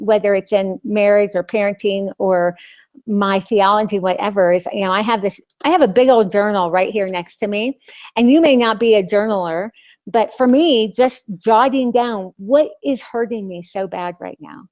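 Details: Lisp in an adult woman after losing her tongue (glossectomy); she describes the lisp as very obvious to herself and others.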